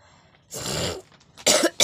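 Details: Acted cough for a coughing and nose-blowing challenge: a drawn-out forced cough followed by a second sharp burst.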